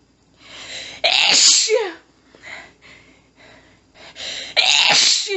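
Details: Woman, nose tickly all day, trying to stifle without success: two very strong sneezes with quick gasping, panting breaths between them, part of an intense, desperate fit of rapid multiple sneezes.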